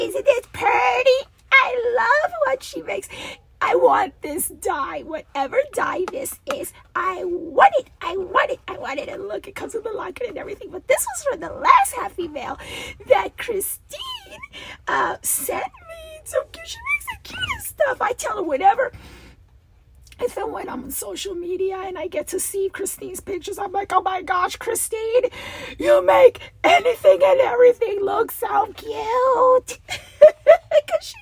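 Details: Adult woman with a recurring double-voice episode that she says requires a return to voice therapy when it happens, with a rasp she feels vibrating below her vocal cords; diplophonia.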